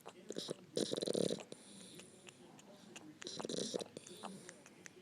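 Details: Sleeping dog snoring with tongue poking out: irregular rough snoring bursts with fluttering, snuffly breath noises between them.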